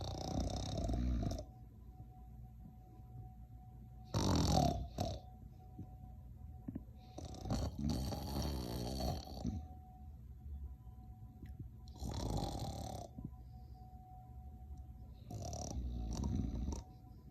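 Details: Deep, rumbling snores from a sleeping dog about every 4 seconds, with a faint steady hum behind; snoring.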